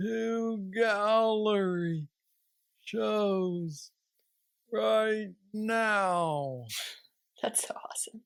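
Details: Parkinsonian speech (hypokinetic dysarthria) in a 46-year-old man diagnosed with aggressive Parkinson's disease at age 35, with mobility problems and treated with a deep brain stimulator implanted two years after diagnosis.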